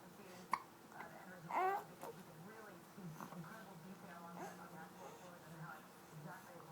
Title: earrings & hiccups!